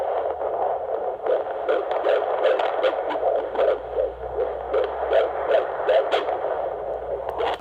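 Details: Fetal heartbeat on Doppler at an OB appointment at 21 weeks 6 days of pregnancy: fast, galloping whooshing beats at about 155 a minute over hiss, strong and within the normal fetal range.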